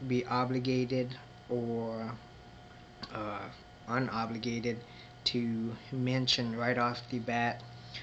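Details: Adult man who identifies as a person who stutters and may show moments of disfluency; stuttering.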